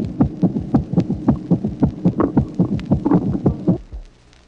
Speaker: Bruit de galop causé par l'addition d'une tachycardie à un troisième bruit de remplissage ventriculaire.